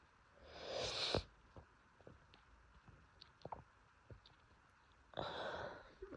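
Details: Adult with seasonal pollen allergy, sneezing fits daily for a month despite medication: two forceful sneezes several seconds apart with sniffs and small clicks between; allergic sneezing fit.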